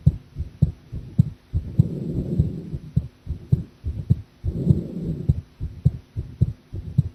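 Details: Heart sounds recorded live while drinking coffee, described as feeling unstable: low, thudding heartbeats at about 100 a minute with slightly uneven spacing and bursts of rustling noise between.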